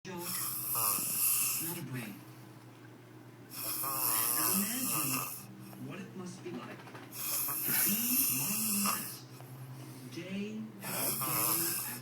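Loud, rattling, throaty noises on each breath, about 16 to 20 a minute, with quieter pauses between them. Ordinary snoring.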